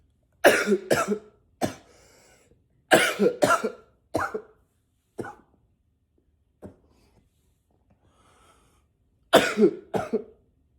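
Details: Repeated bursts of harsh coughing, some deliberately deeper-voiced and some rapid doubles, with weaker single coughs between; person coughing a lot.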